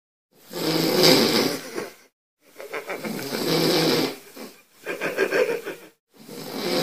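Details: Daley snoring: rough, fluttering snores with each breath, about three breath cycles separated by short pauses.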